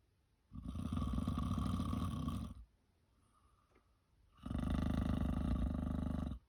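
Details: Heavy snoring, self-recorded just after 9 p.m., snoring again, peaceful and with full effort: two long, loud, rattling snores with a quiet pause between them.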